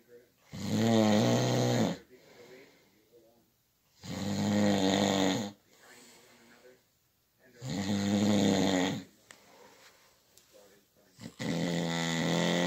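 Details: Night-time snoring: loud, regular snores on each inhalation, about 17 a minute, with quiet exhalations between.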